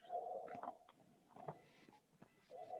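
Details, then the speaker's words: Normal bronchial breath sounds heard on auscultation during a pulmonology clinical examination, loud, hollow and tube-like, as if breathing in and out through a tube, with a clear pause between phases. "on va l'appeler les bruits bronze d'abord huit civils c'est comme si vous soufflez de 28 prenez un tube essayé d'inspirer et d'expirer dans ce tube"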